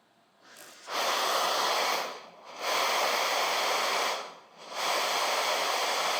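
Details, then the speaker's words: Luisa portable home ventilator with its circuit deliberately disconnected to trigger a low expiratory pressure alarm: loud rushing airflow from the open circuit, rising and falling about every two seconds before the alarm sounds. "I'm going to disconnect my circuit and we'll get a low expiratory pressure you'll hear the pressure on the machine increase and decrease it'll take a little bit of time for the machine to recognize that the circuit has been disconnected and then you'll hear the alarm"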